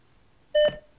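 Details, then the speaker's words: Philips HeartStart Home defibrillator (AED) self-test, which starts automatically once the battery is inserted and lasts about a minute: a single short electronic beep prompting the user to press the flashing orange button. "As soon as the battery is inserted, the defibrillator will automatically begin a self test, which takes about a minute. This is partly interactive, testing the various lights and controls."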